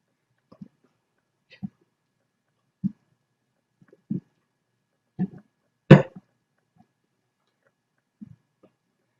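Repeated short, low, abrupt gulping sounds, about eight in nine seconds, with one louder burst; hiccups mixed with burps.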